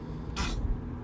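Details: Toddler, who is teething, sneezing once while sitting in a car seat playing with toys; short airy sneeze over steady low engine rumble.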